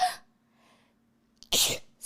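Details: Person who says they have been sneezing since something was stuck up their nose: two sneezes in quick succession, the second a loud explosive burst after a brief catch of breath.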